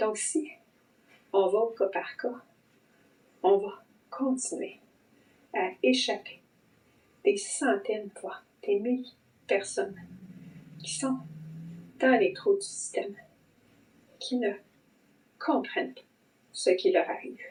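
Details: Adult woman with long COVID for about 10 months since December 2020, with vocal cord sequelae and audible vocal cord blocking at times, plus breathing symptoms, brain fog and dysautonomia; dysphonia with intermittent phonatory blocks.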